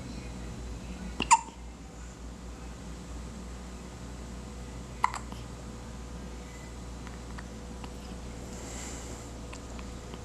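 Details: Baby hiccups: two tiny, sharp hiccup sounds several seconds apart in a quiet room with a steady background hum.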